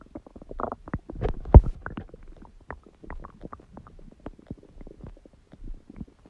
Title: Stomach Growling Sound | My Stomach Makes Noises